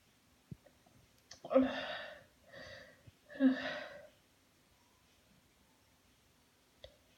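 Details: Sneezing after a shower: a quick inward breath, then two loud sneezes with a softer one between them, in a quiet room.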